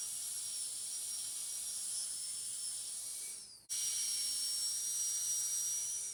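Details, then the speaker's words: Steady high-pitched high-speed dental drill whine, briefly stopping and restarting, while finishing the proximal surfaces to an even shoulder finish line with a flat tapering burr in metal ceramic posterior crown preparation of tooth 46. "The next step is to finish the proximal surface and also the other areas of the tooth to a neat shoulder finish line which is even in all areas. For this we use a flattened tapering burr again."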